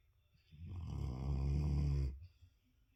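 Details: Boogie snoring while asleep: a single low rumbling snore lasting about 1.5 seconds, quiet room before and after: snoring.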